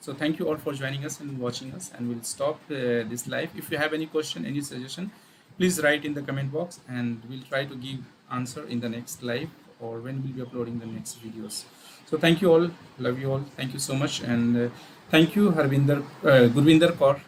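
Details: Adult male speaker; ordinary speech.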